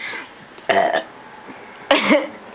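Two loud, throaty belches against background room noise, typical burping.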